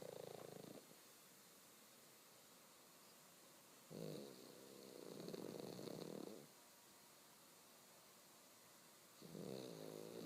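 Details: Pug snoring in sleep: rough, rattling snores in long bursts separated by quiet pauses.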